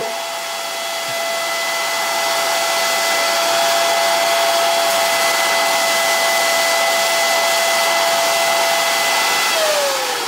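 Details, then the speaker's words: Nosiboo electric baby nasal aspirator switched on at its minimum setting: a steady loud motor whine with a high tone that falls in pitch as it switches off. It sounds loud, but its suction is modest. "hört sich schon jetzt sag mal sehr laut an aber die saugkraft die ist wirklich nicht so groß aber völlig ausreichend um dann ja das was in der nase ist nicht hingehört damit dann raus zu saugen"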